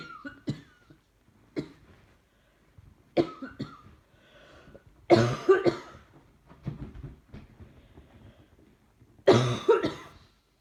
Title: Trying to watch TV & cough just keeps going on. Banging noise is puppy wagging tail on sofa. Cough